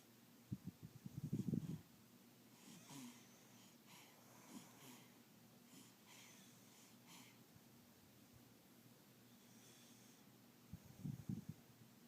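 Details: Baby, labelled as hiccups: two bursts of low, snorting nasal breath noise several seconds apart in a quiet room, noisy infant breathing; snorting.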